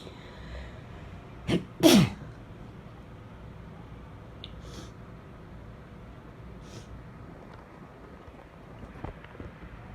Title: Some sneezes, false starts & nose blowing